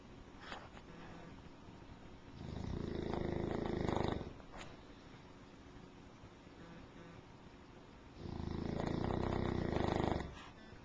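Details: Snoring from an English Mastiff dog, recorded with a Flip Video camcorder.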